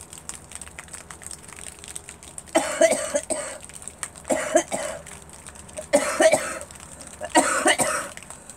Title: Girl couching